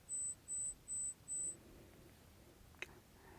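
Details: Audiologist hearing test of adults, including a comedian who wears Phonak hearing aids: four soft, evenly spaced high-pitched beeps in a quiet room; audiometer pure-tone beeps.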